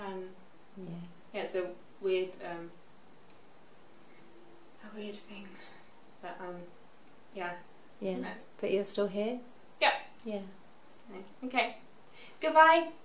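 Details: Expressive aphasia after a stroke at age 18, in a young woman now 24, recorded six years after the stroke; shows her improvement in speech.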